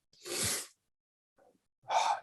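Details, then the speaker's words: A single loud adult sneeze, announced just beforehand, during a recorded cycling podcast conversation: a sneeze. "i gotta sneeze that's cool could you hear that do you yeah that was a loud one man"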